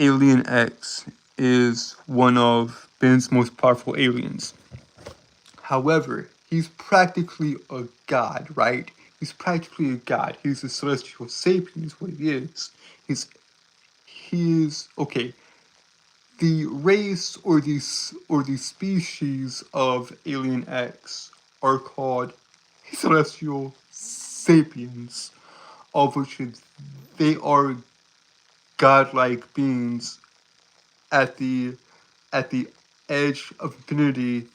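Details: Adult man who reports a speech impediment causing stuttering and tripping over his words. Finding: stuttering.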